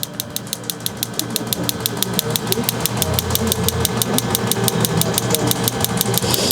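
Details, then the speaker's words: Focused shockwave therapy device during chiropractic treatment of an adult female golfer and new runner, near the end of treatment: rapid regular sharp clicking pulses, about three per second, over low room rumble; energy active about an inch into the skin. "so with the focus shock wve the energy actually doesn't start or the energy output doesn't start until several inches into the skin"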